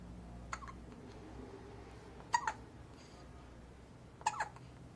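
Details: Three brief, sharp hiccups about two seconds apart from a baby about 2 weeks old in a quiet room.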